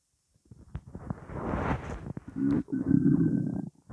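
Gurgling, bubbling rumble with a drawn-out squeaky gurgle toward the end: stomach rumbling from gas moving through the gut.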